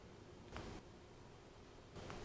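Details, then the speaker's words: Two faint, brief pops a little over a second apart, shoulder joint popping during light 5 lb dumbbell lateral raises by a man with a previously broken AC joint and shoulder tightness. "Now you can hear my shoulder popping if the mic is picking it up."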